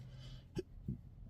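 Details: Two short, abrupt low-pitched gulping hiccups about a third of a second apart, in chronic intractable hiccups unresponsive to known treatments, which began December 9, 2015 after a bad surgery outcome and now occur daily.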